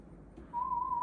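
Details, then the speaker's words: A steady pure whistle-like tone starting after a brief quiet gap: audiometer test tone in play audiometry hearing test of a young child, after ear inspection with otoscope. "Let's pop the headphones on. You can do this all by yourself and see if you can hear the tiny little baby whistles, okay?"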